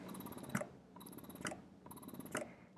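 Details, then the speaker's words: Spectra electric breast pump in let-down (massage) mode, fixed 70 cycles per minute with adjustable vacuum, meant to stimulate let-down: rhythmic whirring suction cycles, each ending with a click. "can hear how that changed the suction and what this one does this one has a set cycle per minute of 70 so it's going to do 70 cycles a minute no matter what"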